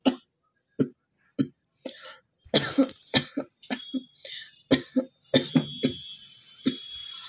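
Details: Repeated short dry coughs in bursts with throat-clearing, about fifteen coughs over seven seconds; real cough from a cold, recorded as a requested cough challenge.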